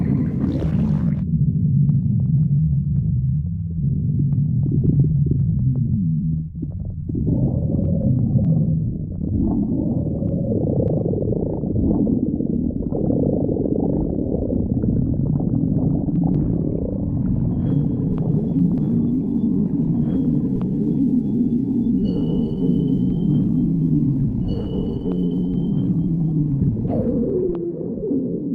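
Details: Loud, continuous low gurgling and rumbling with squeaky, whine-like tones: ordinary stomach growling (borborygmi) from gas and fluid moving.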